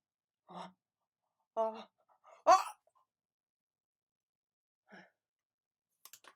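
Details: Sneezing in a comedic tissue advertisement: short in-breaths building to one sharp, forceful sneeze, then quiet breaths.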